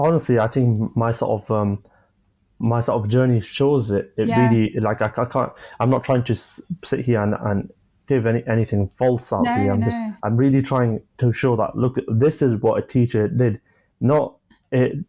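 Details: 25-year-old man who has stammered since early childhood, onset he attributes to an asthma attack; describes blocks and manages them with breathing methods and pauses; stuttering (stammering).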